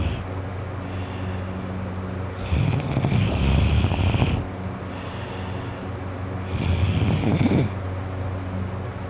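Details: An adult with a cold and congested nose and throat, recorded while trying to sleep, gives two loud, harsh, rattling snores about four seconds apart over a low background hum: snoring with a stuffed-up nose.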